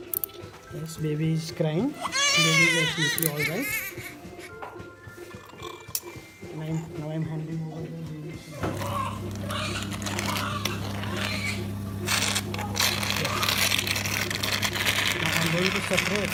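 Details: Newborn delivered by repeat cesarean section, done on the previous scar for fetal distress: repeated high-pitched wavering cries, then loud music and operating-room noise; normal cry just after delivery.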